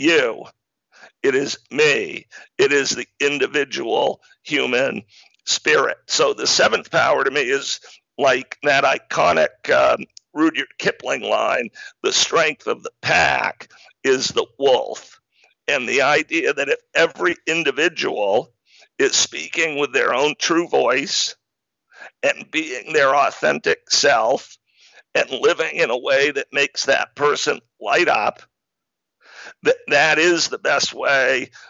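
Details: Man with spasmodic dysphonia, a rare neurological speaking disorder causing partial voice loss, with onset around 2010 and diagnosis in 2012; much improved over about a decade but still present; real speech showing spasmodic dysphonia.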